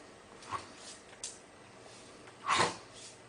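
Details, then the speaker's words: Older Labrador: a few harsh, honking cough bursts, the last the loudest, with lip-licking afterward; a productive hacking cough pointing to lower-airway bronchial disease. "yes so I would say it's still a honking or hacking cough but it's productiv"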